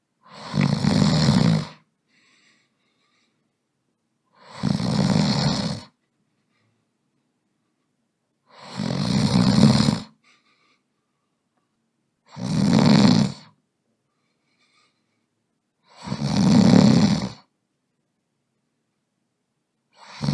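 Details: Imitation snoring for sleeping Smiling Critters characters: loud, rhythmic, rattling snores about one every four seconds with silent gaps between.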